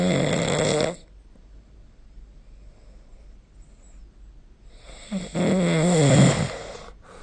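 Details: Snoring during sleep recorded with the SnoreLab smartphone app: two loud, harsh, fluttering snores with a quiet pause between them.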